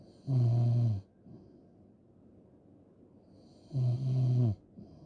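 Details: Two loud, low, buzzing snores about three seconds apart, each with a hiss of air, quiet breathing between; loud snoring.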